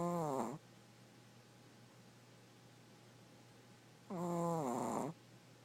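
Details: 5-year-old male Chihuahua weighing 4.5 lb, snoring surprisingly loudly in sleep: two drawn-out, tonal snoring breaths with falling pitch about four seconds apart, quiet between.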